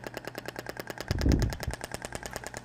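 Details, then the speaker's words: Thork shockwave therapy applicator firing statically at a lower frequency of 10 on a gel-covered treatment area; rapid, evenly spaced sharp clicks with a brief dull thump midway. "então a frequência de 10 uma frequência menor então o barulho é um pouco distinto do outro tá então eu faço estático"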